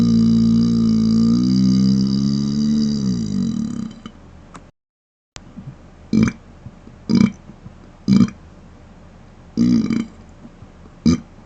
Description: I've been asked in a few of my live streams for closed mouth burps.. so here's my first video featuring them! :)